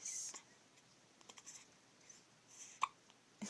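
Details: Hiccups: quiet room with faint breathy sounds and two sharp, brief catches of breath about half a second apart.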